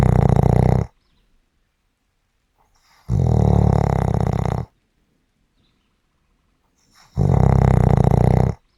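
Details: Snoring audio: continuous snoring sounds.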